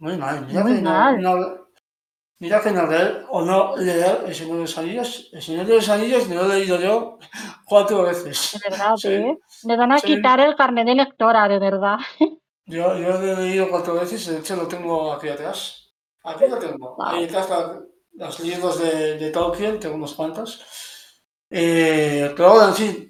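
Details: Adult woman speaking Spanish; normal speech.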